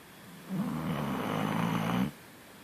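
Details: Snoring during sleep; one loud, rough, vibrating snore lasting about one and a half seconds in a quiet room.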